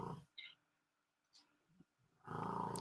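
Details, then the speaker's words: Snoring in the background from a sleeping 100-pound bully pit bull dog. "you know i got a hundred pound uh bully pit here named anubis and that's him snoring in the background you probably can hear that"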